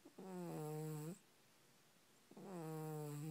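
Two drawn-out, buzzy, almost whistling snores on breaths in, separated by a quiet pause; a cat snoring while asleep.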